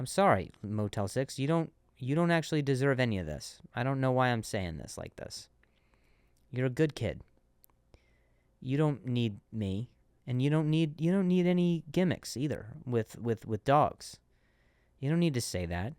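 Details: Adult male comedian who stutters and switches words after stuttering on one; repeated words heard; finding: stuttering.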